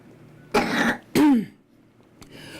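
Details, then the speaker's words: Young boy coughing on request during a chest exam: two short, loose coughs with upper-airway mucus rattle, called "bronchi twitters"; chest otherwise sounds healthy; cough with upper-airway rhonchi. "it's called bronchi Twitter's when he coughs okay one more time"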